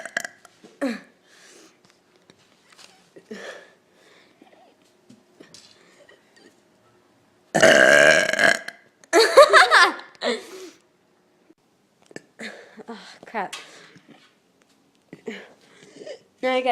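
Two long, loud, rumbling belches among quiet voices and small sounds; repeated burping.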